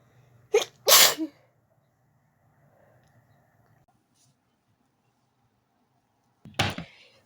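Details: Sneezing fit in bed after turning onto the other side while trying to sleep: a quick pair of forceful sneezes, a few seconds of quiet, then another sneeze, in a quiet room.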